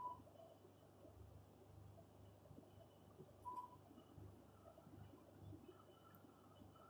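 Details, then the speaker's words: Leg arterial Doppler ultrasound in a patient with atheromatous plaques, femoral stenosis and popliteal occlusion: faint, very low-velocity, high-resistance monophasic flow distally, suggesting obstruction further up. "Un flujo monofásico de alta resistencia, de muy baja velocidad. Este patrón es lo que llamamos un patrón pinito."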